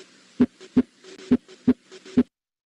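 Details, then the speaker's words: Baseline teaching example of normal heart sounds: crisp paired lub-dub at about 67 beats a minute, first sound from mitral closure followed by aortic closure, normal first and second sounds. "s what a standard first and second heart sound was will sound like very simple but very important because this is what we need to start off as a baseline and you can see it is essentially a clapping of the mitral valve and the aortic valve that generates the sound"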